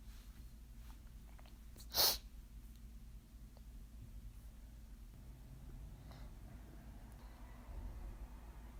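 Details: Person attempting deliberately "girly" sneezes that came out too strong: a single sharp, loud sneeze, followed by soft breathing in a quiet room.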